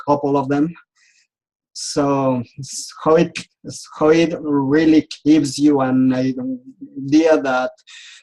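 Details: Adult man who has stuttered since age 4 and still clearly stutters; speech therapy and support groups helped him.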